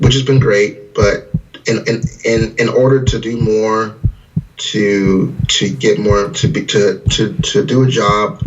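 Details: 41-year-old man whose speech was affected from age 5; severe stutter persisting despite 2 years of speech therapy from 5th grade; word and part-word repetitions, stuttering.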